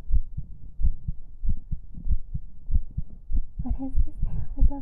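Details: Heartbeat in a 3Dio binaural ASMR stream highlight, muffled low thumps around 90 per minute, somewhat uneven, with soft speech near the end; an ordinary heartbeat.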